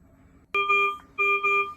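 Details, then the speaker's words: Servo U ventilator high-priority alarm for suddenly high peak pressures: loud sustained electronic tones, 5 beeps with red status bar, starting abruptly after quiet; demonstration. "So now it's given us 2. So 5 beeps, a red bar, that means come see me right away."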